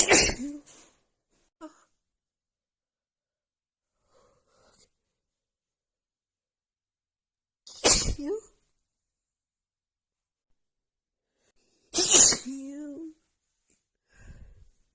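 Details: Female with a head cold and blocked nose, after sniffing a tiny bit of black pepper: nonstop sneezing fit of three forceful, explosive sneezes with short gasps and breath catches between, then a brief nose sound.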